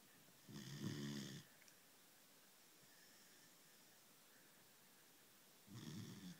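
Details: Female German shepherd puppy sleeping: two brief rattling snores about five seconds apart with quiet breathing between; puppy snoring.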